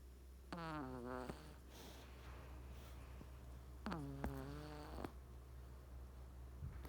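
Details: Three-month-old Persian kitten asleep, two soft, squeaky, whistling snores over steady room hum; snoring.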